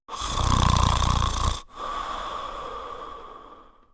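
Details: Sleeping French Spaniel dog snoring: a loud, rough, rattling breath with low fluttering vibration, then a softer wheezy exhale.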